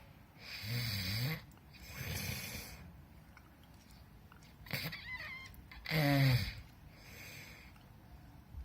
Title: Snoring Captured I Feb 2018